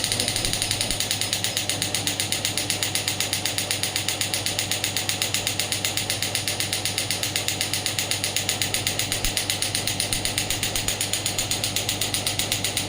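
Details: Pneumatic radial extracorporeal shockwave therapy device (ESWT, 0.5–12 bar) running after being moved off the hand: rapid, regular mechanical clicking at about four pulses a second as the device fires.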